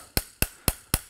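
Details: Surgical mallet impaction during right partial knee replacement: four sharp, evenly spaced metallic strikes, about four per second, tapping the tibial keel preparation into bone for a size 2 tibial component until seated, with a pitch change when down.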